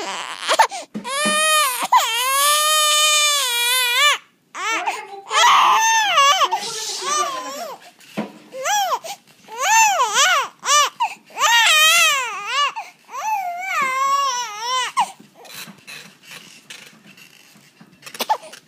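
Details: Baby crying indoors in long rising-and-falling wails with short breaths and pauses between, fading to whimpers; ordinary infant crying.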